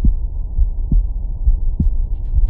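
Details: Speaker's own adult heart heard through a Stemoscope handheld digital stethoscope paired to a phone or iPad: steady, regular thumps about 70 a minute, normal heart sounds.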